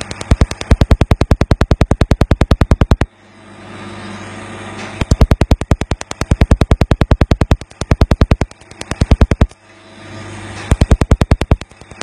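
Runs of rapid, evenly spaced loud snapping pulses, roughly three a second, with brief pauses between runs, from a tattoo removal laser.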